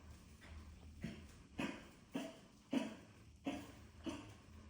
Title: Jimi Kimchi Burrito coughing